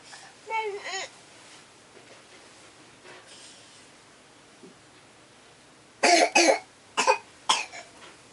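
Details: A child's voice early on, then a run of five sharp, harsh coughs in quick succession; a child's cough.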